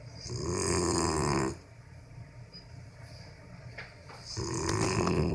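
Two long, loud rattling snores separated by a quieter pause, from a sleeping dog; ordinary snoring.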